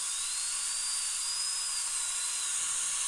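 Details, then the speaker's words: Crown preparation of upper molar (tooth #2) with a pre-existing large amalgam filling and a long history of sensitivity to chewing, rubber dam in place, patient numb: continuous high-pitched whine of a round bur with water checking for a crack; dental drill. "so before I do that I'm going to take a round bur and with some water now and just go through a little vibration little more"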